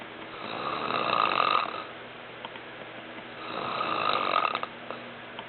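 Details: Father snoring, recorded as evidence for a sleep study: two long, rough, buzzing snores a few seconds apart, with quiet pauses between them.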